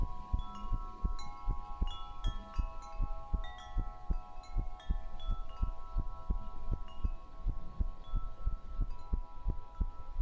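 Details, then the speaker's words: Steady, deep, muffled thumps under constant wind-chime music in a binaural ASMR stream, possibly about 90 beats a minute; heartbeat sounds. "Okay, I'm going to do some heartbeats."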